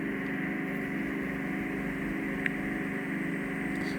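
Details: Endoscopic ear microsuction by a nurse working close to the eardrum in the bony ear canal, possible ear canal cholesteatoma with soggy debris and infection underneath: steady loud hissing roar of suction with a brief click.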